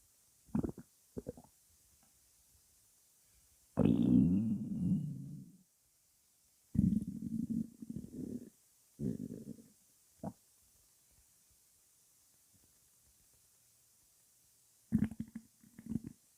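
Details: Female's hunger stomach growling before breakfast: several bursts of gurgling, rumbling bowel sounds separated by quiet gaps (borborygmi).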